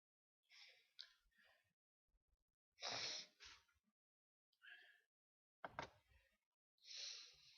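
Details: A series of soft sneezes: several short, hissy bursts with sharp breathy releases and quiet gaps.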